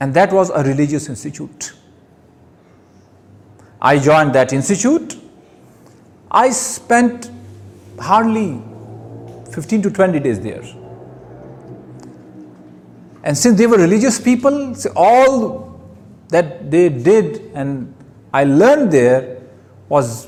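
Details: Adult man who stammers, giving his first public speech: stuttering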